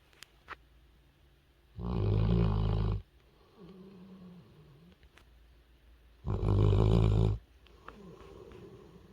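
Two loud, low rumbling snores about four seconds apart, with soft whistling breaths out between them. A sleeping puppy snoring.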